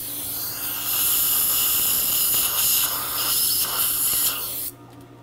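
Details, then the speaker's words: Loud hissing spray and gurgling suction of a dental rinse after a diode laser ovate pontic procedure at a missing maxillary right canine site; stops abruptly near the end. "okay go ahead and rinse please"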